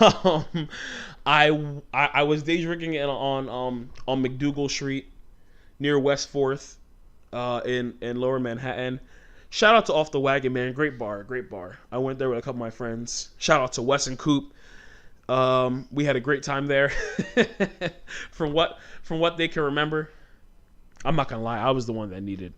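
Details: Adult male with stuttering since childhood; it shows when he talks fast or gets passionate, and he manages it by talking slowly.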